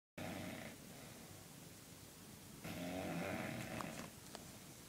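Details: Snoring from an overweight pet dog in deep sleep.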